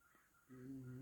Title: Snoring Cat 12/26/2025 Dreaming of Santa 🎅